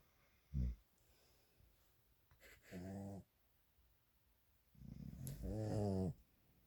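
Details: Loud rattling inspiratory snores with short snorts from a sleeping dog, alongside a man snoring in the same quiet room; the owner says the dog snores very loudly almost as soon as he falls asleep and worries about him.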